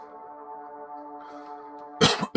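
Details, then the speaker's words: Adult man with a sore throat and croaky voice, feeling under the weather: one sharp cough near the end, cut off, over soft steady background music. "He coughs just to prove that he is ill."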